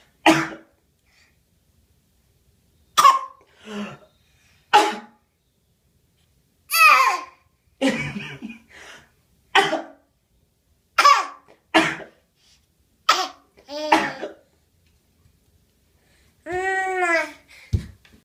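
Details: Voluntary fake cough from an infant girl straining hard: several short forced bursts with small voiced sounds between and a squeal near the end.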